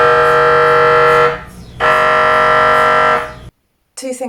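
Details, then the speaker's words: Loud steady buzzing tones in long blocks with short pauses during individual MRI scan sequences, heard by a patient at a first MRI before a suspected multiple sclerosis diagnosis; scans last about half an hour. "so there are different noises during each scan and the noise that you heard in the beginning was just um warming up but these are some of the other scan noises that you'll hear during having an MRI scan"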